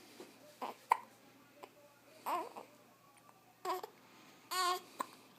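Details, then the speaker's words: Infant hiccups: several brief, sharp, spaced catches of breath with small voiced squeaks, with quiet room noise behind. "You got the hiccups, boo."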